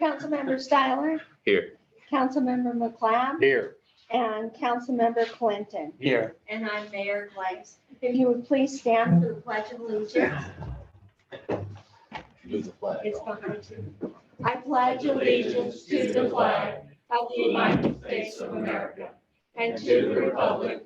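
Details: Adult woman, then a group of voices; normal speech.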